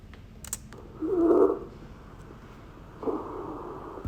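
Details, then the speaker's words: Abnormal lung sound through a stethoscope: two soft, muffled breath sounds, otherwise normal in character but noticeably quieter than normal breath sounds. "el sonido es normal como la gran diferencia que éste es más bajito"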